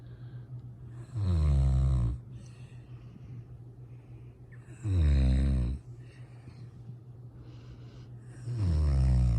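Deep, rattling snores on each breath in, evenly spaced at about 16 a minute, with a steady low hum in the background; ordinary snoring.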